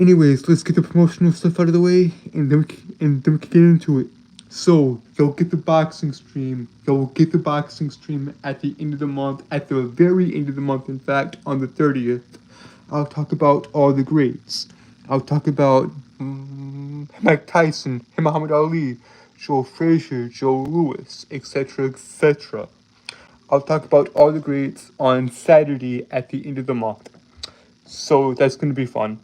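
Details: Male streamer with a self-reported speech impediment causing stuttering and tripping over words; stuttering.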